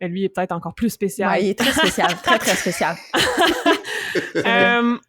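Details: Adult woman; normal speech.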